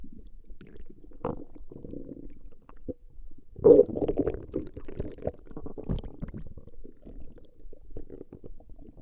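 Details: Stomach growling recorded from a female: low gurgling and rumbling bursts from the belly as gas and fluid move through the gut; borborygmi.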